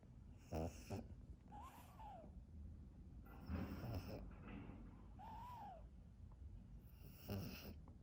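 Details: Rhythmic snorting, rattling snores with whistling nasal squeaks about every two seconds from a sleeping Pekingese dog, with background music.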